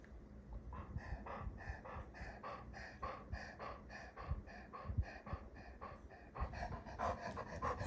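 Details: Dog panting rapidly and rhythmically, about three breathy breaths a second, with a few snorting sneeze bursts.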